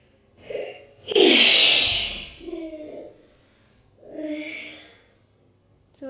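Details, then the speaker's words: A woman gives a single sharp, forceful sneeze after a brief in-breath, followed by soft vocal sounds; she remarks it felt like a proper sneeze for the first time in a while. "でも久々にクシュンってちゃんとしてる気がする。"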